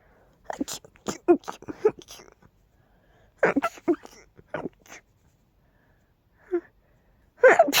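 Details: Several bursts of sneezing with catching breaths between, in a quiet room, from a tickly, stuffy nose during pollen season; repeated sneezes from pollen allergy.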